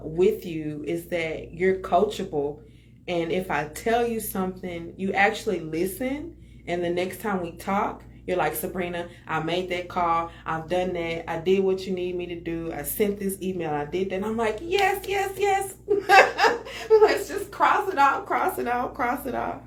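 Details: Adult woman speaking; normal speech.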